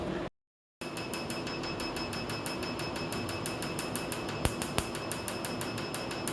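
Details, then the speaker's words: First tattoo removal session on the arm: the laser fires rapid regular clicking pulses, about three a second, over a steady machine hiss and faint high whine; the patient says the pain is similar to getting tattooed. "It's actually a little bit like getting tattooed, a similar level of pain."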